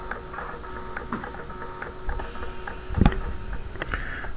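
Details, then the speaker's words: Mechanical whirring and clicking of a blood pressure cuff pump and release valve during an automated measurement on a simulator set low; the cuff inflated very high because the previous reading was high. "we're going to do a low measurement and it compressed way up because its last patient was way high"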